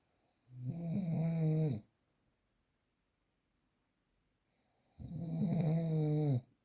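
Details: Two loud, rough, buzzing snores on breathing in, separated by a quiet pause of about three seconds, in a real recording without post-processing; snoring.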